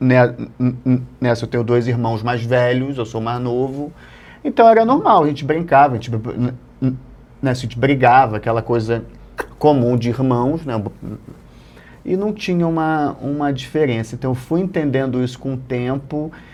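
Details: Stuttering since childhood in an adult male comedian.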